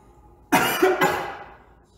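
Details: Two quick, sharp coughs from a K-pop singer of Omega X, half a second apart, in a quiet room.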